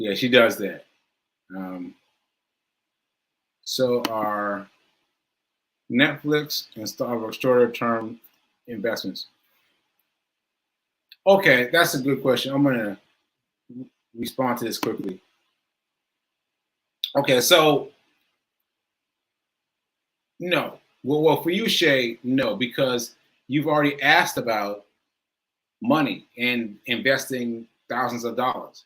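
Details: Adult male stroke survivor with aphasia and self-reported word-finding difficulty, speaking live; aphasia after stroke.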